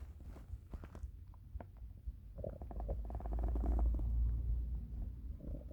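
Low gurgling, bubbling rumbles rising to a prolonged growl: ordinary hunger stomach rumbling.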